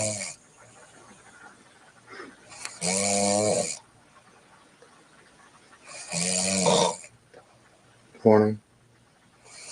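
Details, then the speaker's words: A sleeping woman, in a compilation of women snoring, gives three loud rattling snores with quiet pauses between them; snoring. "oh no she's lightweight but she's snoring but let's listen to this one okay she kind of she's on this is sounding like me more now"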